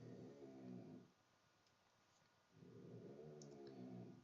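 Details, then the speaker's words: A dog snoring in the background of a voice recording, two soft rumbling snores a few seconds apart from a sleeping dog in a quiet room; ordinary snoring. "Apology if you can hear my dog snoring. Hopefully you can't."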